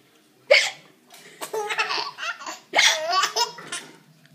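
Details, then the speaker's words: Young child with hiccups after finishing dinner: two sharp, sudden hiccups, each followed by bursts of giggling. "we both got the hicups"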